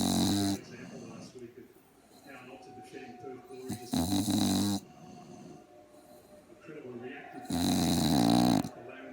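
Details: Sleeping pug snoring like an old man: loud, rough, rattling snores, three bursts over nine seconds, with football commentary playing in the background.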